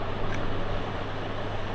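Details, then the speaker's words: Steady low motor hum as an electronic home blood pressure monitor's pump automatically inflates the arm cuff after one button press, on an adult measuring blood pressure for the first time. "এখানে মেশিনের ভিতর থেকে automatic pump চলে আসবে এবং আপনার result দেখানো শুরু হবে।"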